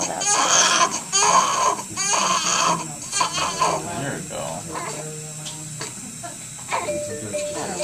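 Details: Newborn girl just after a traumatic birth with meconium aspiration, receiving oxygen and suctioning, grunting, with APGAR scores of 3, 6 and 8 and later NICU admission. She cries in short bursts, with adult voices and music in the background.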